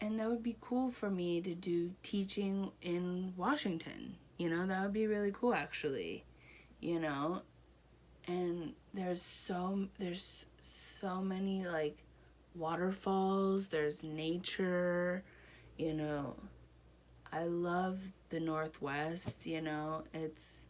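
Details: Broca's aphasia in an adult woman one year after a stroke, with reading and writing also impaired.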